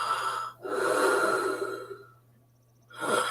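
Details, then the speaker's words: Adult imitating a Boston Terrier's loud, steady sleep breathing: noisy airflow that is not snoring. "she doesn't snore much no that's she has kind of a loud steady steady sleep breathe but it's not snoring yeah it's more"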